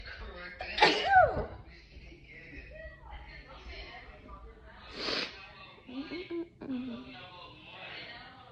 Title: How to sneeze nonstop! ( Part 32)